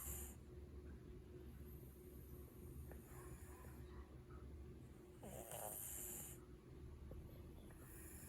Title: snoring cat maru 😘